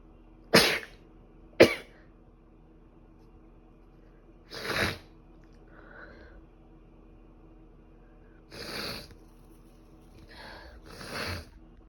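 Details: Sneezing with a cold: two sharp, explosive sneezes followed by several softer sneezes and snuffles in a quiet room.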